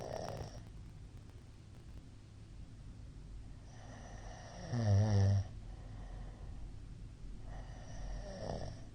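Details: Middle-aged man snoring during sleep, recording of 2022-04-17 (apnea tagged, not confirmed): quiet breathing in a room, then one loud rattling snore on an in-breath.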